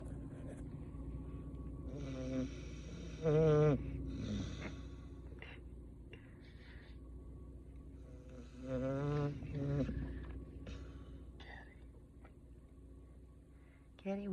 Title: 6mo old puppy falls asleep and snores during car rides .